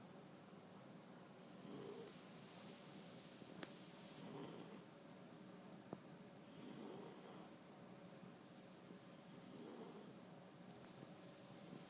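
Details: Male French Bulldog snoring: soft, rhythmic snores at about 12 breaths a minute, a low rattle on each breath over steady room hiss.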